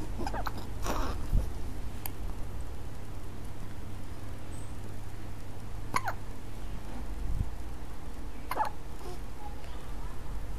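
A few short, sharp catching sounds, spaced several seconds apart over steady room noise: infant hiccups.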